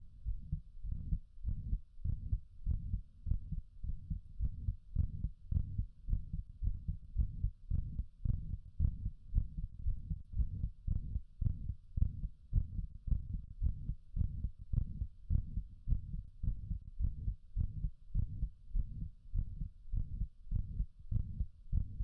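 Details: Steady heartbeat at about 107 beats a minute with a soft whooshing sound between beats; heart murmur.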